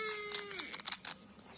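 Harsh, high-pitched noisy breathing on both breathing in and out: biphasic stridor from narrowing below the vocal cords.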